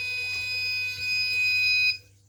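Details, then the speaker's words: Arduino IV infusion alarm prototype student project, fluid bag load read at 178 with status almost empty; steady shrill electronic buzzer under two seconds, an infusion alarm signalling fluid almost empty. "Oke, bebannya muncul di 178, sama persis di VB. Status infus hampir habis, ini juga hampir habis."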